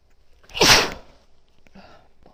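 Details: Woman sneezing into tissues, sneezes triggered by bobby pins: a single forceful sneeze with a sharp hissing burst of air, followed by quiet rustling.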